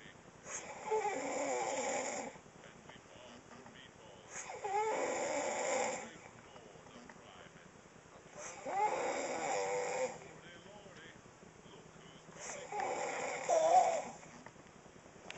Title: Kay kay the snoring piggy